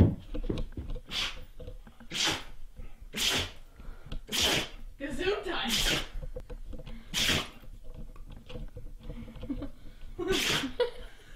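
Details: A dog sneezes about seven times in quick succession, short sharp bursts roughly a second apart; repeated sneezing.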